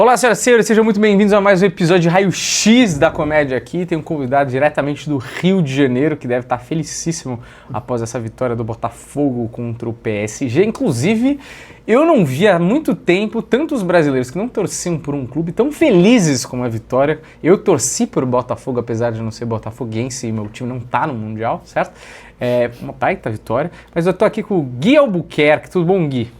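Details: Adult male speaker; typical speech.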